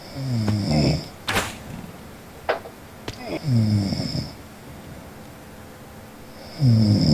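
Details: Someone snoring, heard over a Skype call: deep rattling snores at about 19 breaths a minute, with occasional knocks and clicks in a small room.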